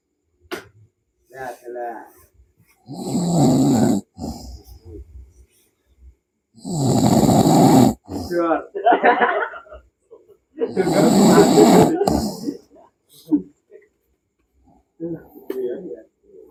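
Loud, rough, rattling snores come on the in-breath about every four seconds, roughly 15 breaths a minute, with softer noises between them.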